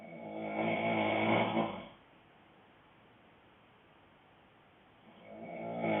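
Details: Adult male boyfriend snoring loudly, with a prominent rattle: a loud, rough snore on the in-breath, then a quiet pause, and another snore building at the end.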